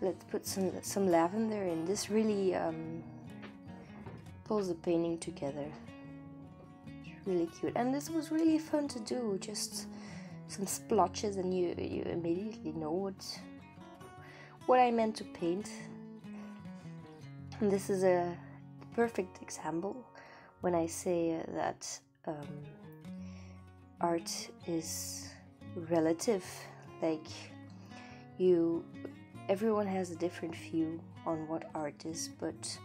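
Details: Stuttering in an adult woman, non-native English speaker; she says it is not usual for her and arises from nervousness about speaking for the internet.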